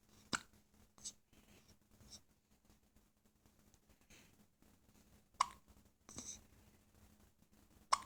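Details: Infant hiccups: brief sharp catches at irregular intervals in a quiet room.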